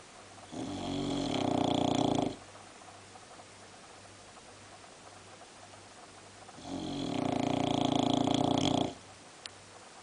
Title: BOXER DOG SAM: (4) I CAN SNORE EVEN LOUDER IN THIS POSITION.MPG